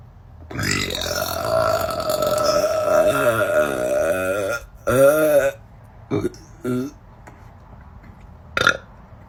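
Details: Female burper (tagged burpgirl): one long, loud, drawn-out belch of about four seconds, then several shorter belches; repeated burping in a quiet room.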